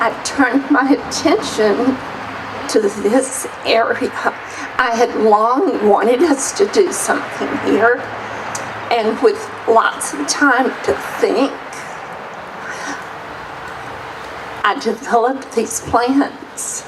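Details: Adult woman with voice tremor that her doctor calls essential tremor; she herself describes her voice as shaky. Voice tremor (essential tremor).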